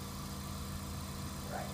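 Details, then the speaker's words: Suction machine running, set to 100–120 for an adult, during a nursing-school demonstration of tracheostomy suctioning: steady low motor hum and hiss. "mr smith is an adult so the appropriate suction and i'm going to turn this on with my non-dominant hand would be a 100 to 120"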